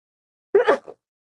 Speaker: check out the font isn't that gorgeous I'm gonna sneeze